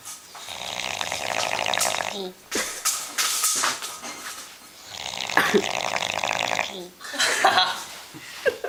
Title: Snoring New Years